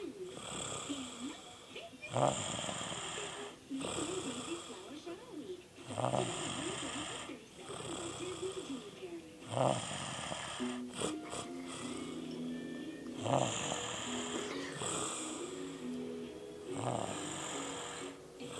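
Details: Person snoring while asleep during an overnight stay: repeated rasping snores, some with a whistling, squeaky edge, about every three to four seconds against steady room noise.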